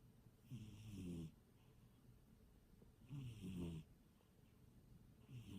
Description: My cat snoring